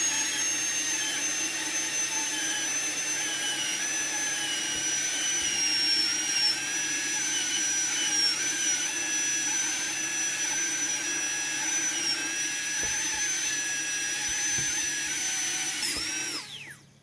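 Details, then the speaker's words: Continuous high-speed dental drill whine with slight pitch dips under load, stopping at the end: middle-third labial reduction (target 1.2 mm) of an upper left canine on a training model for a PFM crown, avoiding adjacent teeth, checked with putty index. "Then the middle one. You have to be careful not to touch the adjacent teeth, and keep on checking from the putty."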